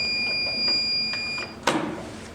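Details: Steady high electronic tone, then a click: end-of-treatment alarm of a therapeutic ultrasound unit after a 7-minute, 3 MHz treatment with gel to the Achilles tendon, heating a tight tendon before a stretch.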